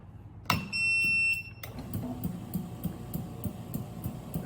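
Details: Stationary oxygen concentrator (model LM5A, 5 L/min) being switched on: a short high start-up beep, then a steady run of rhythmic pumping pulses as it begins concentrating oxygen from room air.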